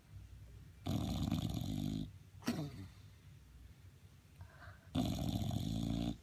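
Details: Sleeping dog snoring: two loud, rough, rattling snores on breathing in, with a quieter breath between them.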